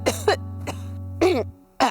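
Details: Acted coughing in a cough-remedy advertisement about itchy throat and phlegm: four short, rough coughs from an adult over a steady musical background hum.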